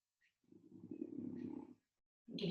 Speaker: hear my dog snoring. Super loud.